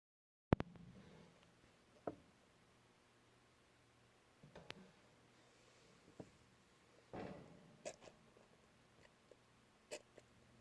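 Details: Male pet rat with sneezing or coughing that sometimes goes away, on dust-free bedding, cause unknown: repeated tiny, sharp sneeze-like snorts every second or two in a quiet room.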